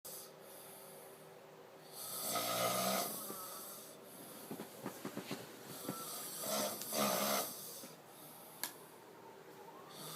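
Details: Loud, rattling snoring during sleep, with recurring snorting breaths over quiet room noise.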